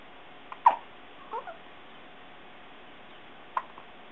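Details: Newborn baby aged 8 days with hiccups: two brief, sharp hiccups about three seconds apart, with faint sounds between them in a quiet room.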